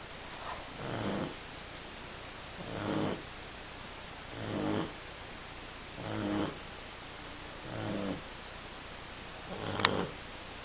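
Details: Shar pei puppy, 10 weeks old, sleeping and snoring loudly enough to keep owners awake at night: soft, regular snoring breaths, about six in ten seconds, with a brief click near the end.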